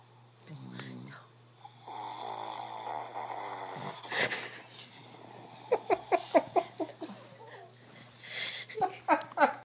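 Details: Shih tzu sleeping on his back under blankets with a pillow, snoring like a human: nasal snoring and whistling breath sounds, then a run of short snorting puffs.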